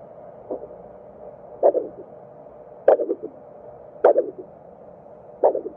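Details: Handheld vascular Doppler over the daughter's facial arteries (labial, facial, infraorbital, supraorbital, supratrochlear) to check flow, as in suspected filler occlusion: rhythmic whooshing pulses, about 48 per minute, sharp onset and fading tail. Normal pulsatile arterial flow.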